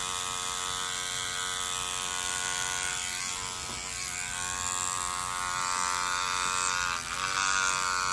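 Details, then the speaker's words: Continuous high-pitched electric buzz, with slight pitch changes as it moves, of a microneedling pen on numbed facial skin during microneedling with PRP (vampire facial); the patient says it is not painful. "it's honestly like I'm so numb I can't even feel anything it's really not painful oh that's a little machine"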